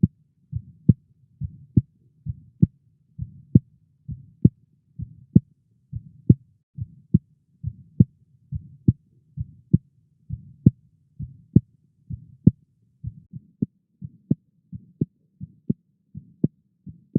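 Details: Blood pressure measurement: regular low tapping thuds, each preceded by a soft whoosh, about 70 a minute, Korotkoff sounds heard between systolic and diastolic cuff pressure, from turbulent flow through a partially constricted artery.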